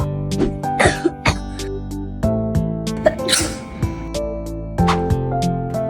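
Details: A child in a cough-and-flu medicine advertisement gives a few short, harsh, acted coughs and a sneeze-like burst over steady background music.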